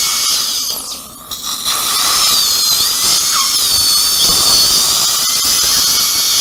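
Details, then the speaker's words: Steady high-pitched dental drill whine with water spray hiss: a diamond bur cutting through an upper second molar before extraction for immediate implant placement with no sound bone under the sinus floor. "이거는 커팅은 잘 되는데 바브레이션이 커요. 그래서 다이몬드가 좋아요."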